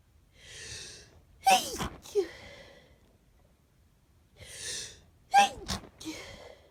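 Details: Two sneezes, each preceded by a breathy inhale, then a sharp burst and a short second expulsion, in a quiet room; winter sneezes from a person with half a cold, stuffy with a runny nose.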